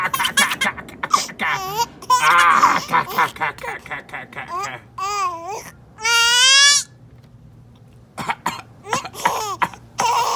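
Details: An infant laughs in high, bright bursts mixed with a few short, rough coughs; an ordinary, harmless cough with laughter.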